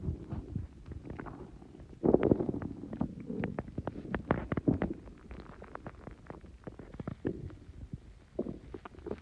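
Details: Continuous gurgling and bubbling stomach noises with rapid popping and rumbling after drinking Coke with Mentos; loud bowel sounds (borborygmi).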